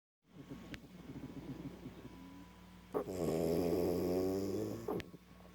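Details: Asleep on someone's lap: soft breathing, then a long, vibrating, buzzing breath sound during sleep; snoring.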